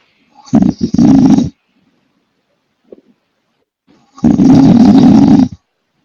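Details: Young male friend snoring: two loud, low, rumbling snores separated by a few seconds of quiet breathing.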